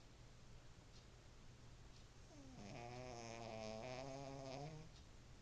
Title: snappie the snoring shih tzu